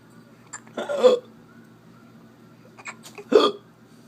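Two abrupt, sharp gulping hiccups a few seconds apart over a quiet background.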